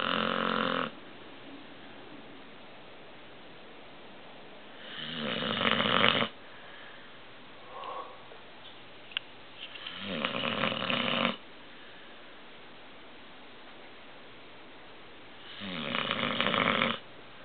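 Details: 10-month-old American Bulldog sleeping and snoring: loud, rough snores about one every five seconds, roughly 12 a minute, with quiet pauses between.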